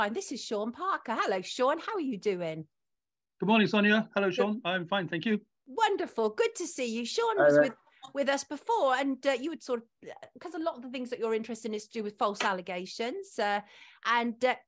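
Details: Adult speakers in conversation, mainly a woman; ordinary conversational speech.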